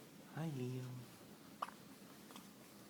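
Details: A brief voiced sound, then a single sharp, sudden hiccup catch, in a quiet room.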